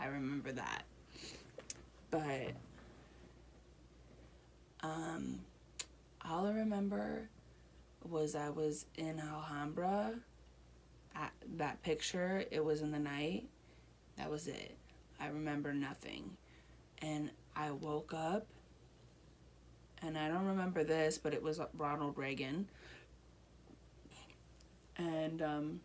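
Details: Adult woman with Broca's aphasia one year after a stroke; reading and writing also impaired.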